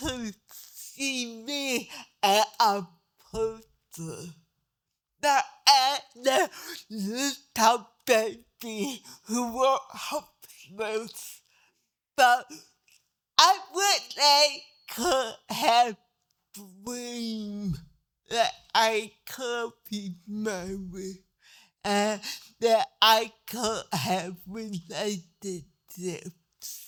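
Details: Dysarthria in a 63-year-old woman with cerebral palsy who needs help at new doctor visits so doctors understand her speech.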